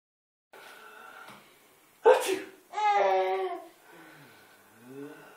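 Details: Adult fake sneezing to make a young child laugh: a single sharp sneeze burst followed by the child's laughter in a quiet room.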